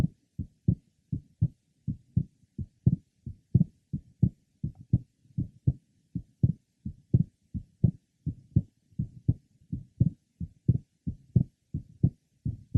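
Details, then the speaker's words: 21-year-old man with normal second-sound splitting: innocent grade 2 systolic murmur at the third left sternal border. "did you hear the innocent grade 2 systolic murma let's listen specifically for it"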